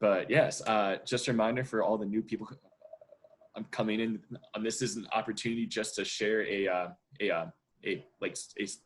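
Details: Real stuttering in a 27-year-old who self-identifies as a person who stutters.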